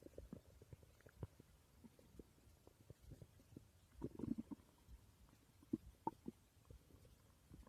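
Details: Stomach growling recorded during sleep: soft irregular low gurgles and rumbles from the belly; ordinary borborygmi, a normal digestive sound.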